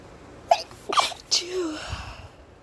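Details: A single sneeze deliberately induced by a person feeling stuffy: a quick build-up of sharp bursts ending in a sneeze, followed by a brief trailing voiced sound.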